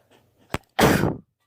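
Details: Person with allergies recording sneezes through one day, their birthday: a brief inward catch, then one loud, explosive sneeze under half a second long in a quiet room; an allergy sneeze.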